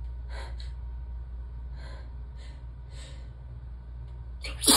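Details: Adult in a warm tub, sleepy and relaxed, during a mostly uncovered sneezing fit: several soft breathy bursts, then a loud explosive sneeze, over a steady low room hum.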